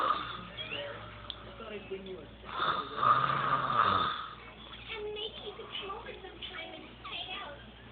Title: Snoring banshee daughter